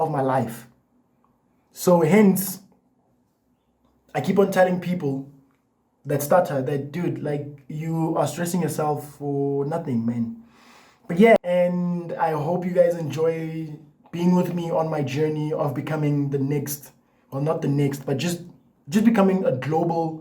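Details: Adult man with lifelong stuttering, in therapy for a year and a half plus a support group and breathing exercises, so the stutter may be partly masked; stuttering.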